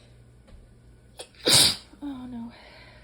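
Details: Allergy sneezing fit, sneezed into the elbow or hand: quick in-breath, then a single forceful, hissing sneeze followed by a short voiced groan.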